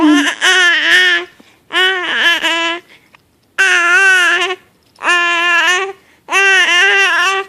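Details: Infant with hiccups, seemingly scared by them: five loud, sustained, high-pitched tonal crying bursts with brief pauses; infant crying.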